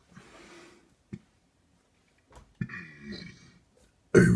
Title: Send this to your crush and she/he'll be very impressed, 100% guarantee (If they like burps)